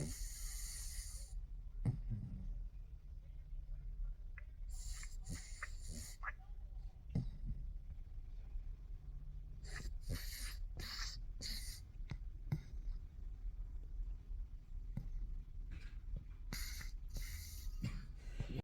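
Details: Sleeping pugs snoring: low, irregular snorting snores with intermittent louder snuffles and some background noise.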